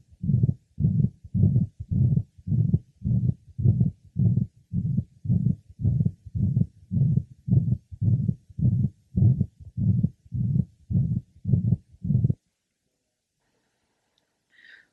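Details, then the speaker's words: Woman with acute mitral regurgitation and severe heart failure, heard over the pulmonic area: loud holosystolic murmur at about 107 per minute that fades late in systole, with alternation of the murmur and of the second heart sound. "note the holosystolic merma which decreases in the latter part of Cy also note alternation of the merma as well as alternation of the second heart sound severe heart failure is present"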